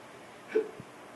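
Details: A single short, abrupt voiced gulp against quiet room noise from a drunk person with hiccups, amid attempts to cure them by applying pressure; hiccup.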